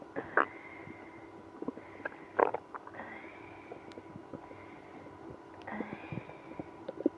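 Irregular gurgles and drawn-out, squeaky growls from the belly over quiet room noise: active bowel sounds in irritable bowel syndrome.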